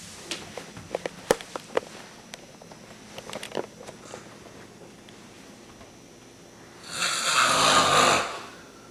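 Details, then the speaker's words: Sleeping man in a dark room at night: scattered clicks and rustling, then one loud, harsh, rattling snore on an in-breath lasting about a second and a half; snoring. "That is a horrifying sound. Pitch black in here. What are you doing? You're snoring like a banshee."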